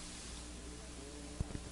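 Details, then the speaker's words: Normal vocal resonance with no egophony: the patient says the letter "e" over the healthy side of the chest, and it is heard as "e", in contrast to the consolidated side. "first you will hear the letter e spoken over the healthy side"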